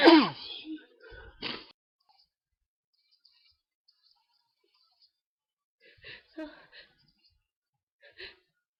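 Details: Two sharp sneeze bursts close together, then quiet breathing and small sniffs, at night from a person with hay fever, itchy tickly nose, unable to sleep; taking allergy pills.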